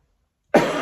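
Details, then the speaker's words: Single harsh, loose cough burst after silence from a speaker with a chesty, phlegmy cough, mucus gathering in the throat and back of the nose. "that's where it gathers right and you and you cough and cough and cough trying to get it up and sometimes it's stuck like at the back of your nose and etc etc"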